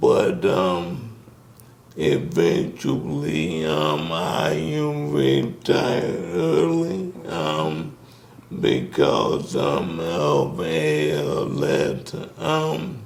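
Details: Man with ALS, diagnosed 2020, symptoms since 2017, onset affecting speech starting with a raspy voice; wife says he can speak but with a little delay; dysarthria.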